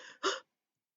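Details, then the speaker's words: An adult imitates the pertussis whoop: a brief, sharp, noisy gasp drawn in after a short breath; whooping cough (pertussis) whoop imitation. "pressus is just another that's whooping cough whoop and cough um and so it is um um you breae and it sounds like a"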